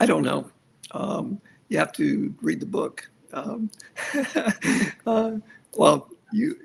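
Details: Aphasia in an adult male survivor of a severe stroke, more than a decade into stroke rehabilitation.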